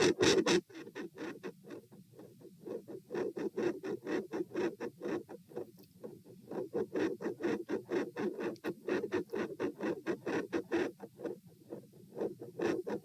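Rapid, scratchy heartbeats that rise and fall in loudness and pattern as the rate gradually slows.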